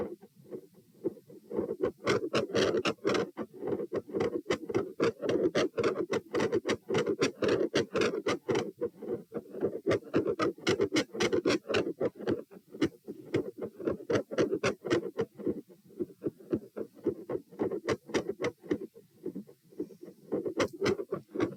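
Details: Heart sounds recorded at position P, rate 120 bpm: tachycardia with very quiet periods and extreme beat-to-beat variation in S1 and S2 intensity, swinging sharply in loudness.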